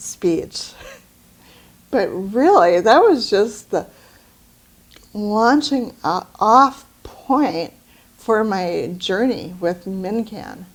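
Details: Woman with aphasia after a brain bleed, sometimes unable to get words out; aphasia.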